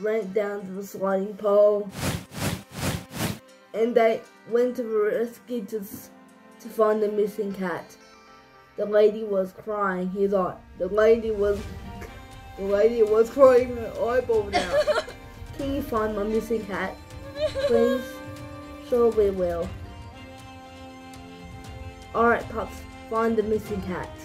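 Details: Young storyteller narrating; speech in cerebral palsy.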